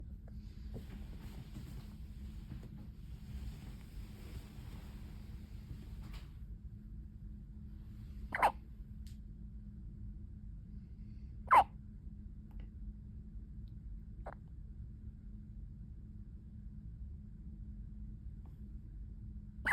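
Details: Three sharp, brief hiccup sounds spaced a few seconds apart over a quiet room hum, from a newborn born preterm at 36 weeks; newborn hiccups.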